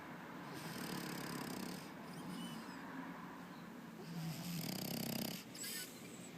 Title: Cheese the FrenchBulldog snoring